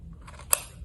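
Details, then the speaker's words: Single sharp click of a dry powder inhaler as the cover is opened by pressing with the thumb until it clicks, shown while teaching inhaler use for COPD control. "caranya yang pertama buka penutupnya dengan cara menekan bagian sini jempolnya Sampai bunyi"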